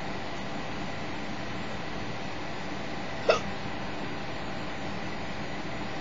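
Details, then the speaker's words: Single sharp, brief hiccup over steady low vehicle rumble; hiccups described as bad and persistent, seeming to briefly stop the breathing. "hicups are funny dude they are so bad like I've never seen anybody that when they HIC up it looks like they stop breathing for a moment like it's hard for them to HIC up"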